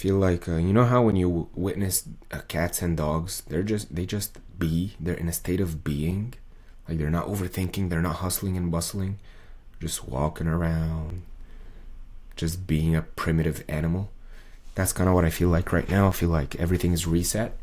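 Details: Adult male's recording from before 2023, with muscle tension dysphonia diagnosed by an ENT via laryngoscopy around late 2022; he calls it strained, as if forcing, and says a 40-second video took about 45 minutes to record; muscle tension dysphonia.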